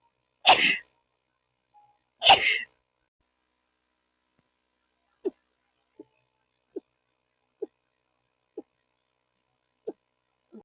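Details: Two sharp, explosive sneezes in quick succession followed by a series of soft faint clicks; rapid sneezing.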